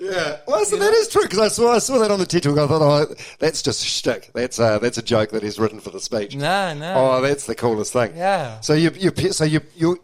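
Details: Adult men talking; ordinary conversational speech.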